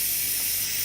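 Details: Oxygen concentrator driving a nebulizer cup with the flow turned to maximum: a steady, even hiss of air and mist streaming out, showing normal nebulizer operation.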